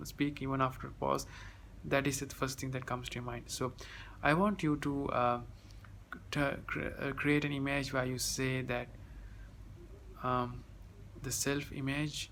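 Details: Stuttering in a 30-year-old man, present since childhood, gradually decreasing after three weeks of a self-taught technique.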